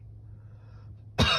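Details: Adult man with sinus irritation and allergy symptoms; after a second of quiet room hum, one sharp, loud cough burst starts and is cut off.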